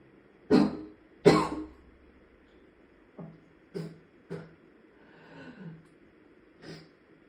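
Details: Repeated forceful retching and vomiting, two harsh heaves then weaker throaty retches and groans, no coughing, in a patient with days-long severe status migraine causing prolonged vomiting and later dehydration and hospitalization.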